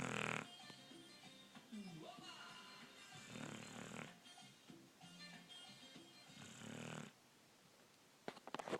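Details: 12-year-old Wheaten Terrier asleep and snoring: soft, rough snoring breaths, partly masked by background music.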